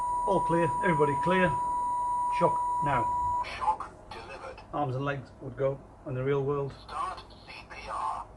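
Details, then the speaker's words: Mediana A15 AED training unit: recorded voice prompts announce rhythm analysis and a shock advised, with a steady charging tone, then a warning to stay clear before the shock. "so don't touch them at this point it's analyzing now advised charging stay clear of the patient deliver shock"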